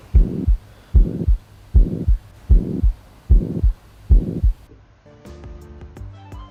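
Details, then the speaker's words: Normal heart sounds through a stethoscope, regular paired thumps at about 75 a minute, recorded in turn at the aortic, pulmonary, tricuspid and mitral auscultation points, then fading into music. "he sounds of all the aspiration points first is the sound of aortic auscultation point now is the sound of the pulmonary escalation point now is the sound of tricuspid exploitation point and now is the mithral"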